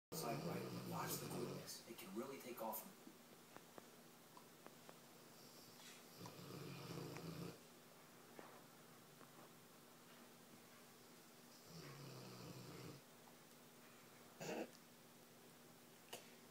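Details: Female pet sleeping and apparently dreaming, twitching: soft, irregular snorting snores with brief quiet gaps and faint twitchy noises, sounding pig-like, louder earlier than captured; snoring, recorded November 2011.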